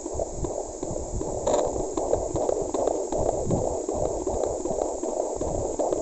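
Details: Hand-held Doppler at 6 months of pregnancy, mother with PCOS, heartbeat now louder than before. Rapid whooshing, galloping pulses at roughly 155 to 160 beats a minute: fetal heartbeat.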